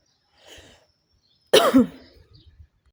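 A faint breathy exhale, then a single loud, harsh cough burst; a smoker's cough.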